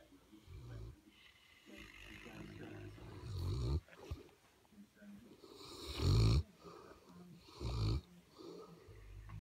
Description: 2 St Bernard's snoring